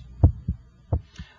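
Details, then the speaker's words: Normal first and second heart sounds at the apex, heard with an electronic stethoscope and timed against the radial pulse: two clear lub-dub beats about 88 a minute, louder first sound, no added sounds. "I can hear your first heart sound and I can hear the second heart sound. The first heart sound should have a louder quality in this apical position."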